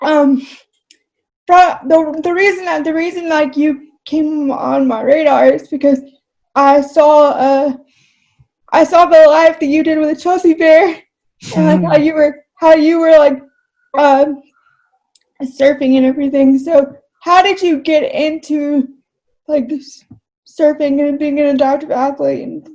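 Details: Adult English-speaking woman with cerebral palsy who says talking takes a lot of effort; dysarthria in cerebral palsy.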